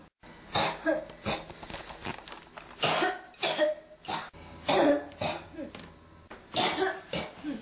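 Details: Coughing that won't stop (ASMR-tagged recording, clip from a 1–28 series): repeated dry cough bursts with throat clearing, about ten in quick succession; persistent cough.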